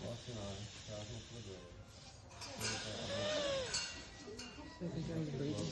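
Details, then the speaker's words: Stridor in a child with facial burns, recorded after surgery while the chin is lifted: noisy obstructed breathing with high-pitched whistling squeal from an airway narrowed by burns and swelling. "you can hear the weeing that's Strider that means he's got a narrowed Arrow Airway and that narrowed Airway is from Burns um and swelling in his Airway"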